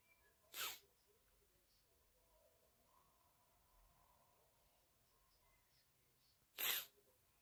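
Two sharp, explosive sneezes about six seconds apart, with quiet room noise between them.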